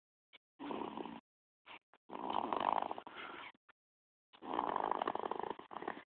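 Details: Snoring from a sleeping person; snoring.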